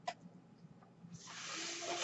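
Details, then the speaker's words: Podcast host's own mechanical ventilator heard in the background: quiet room hum, then a steady rising hiss of pushed air with a faint tone as it delivers a breath; mechanical ventilator noise. "my name is brynan bard that noise you hear he's my ventilator"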